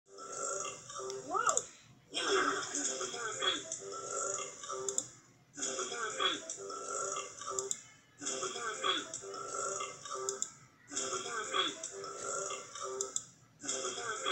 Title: Burps compilation 27